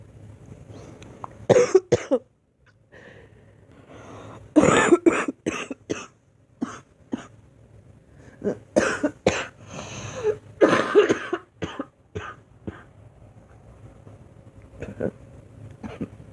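Repeated short cough bursts, about a dozen, some in quick runs, with quiet room noise between; a recurring cough.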